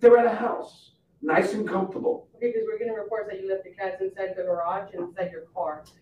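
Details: Adult man speaking; no speech disorder.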